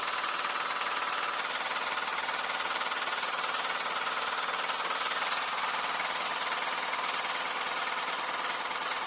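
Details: A handheld at-home low-intensity shockwave device ("The Rocket") sold for erectile dysfunction, running with steady rapid mechanical tapping of about 230 pulses a minute and a buzzing hum.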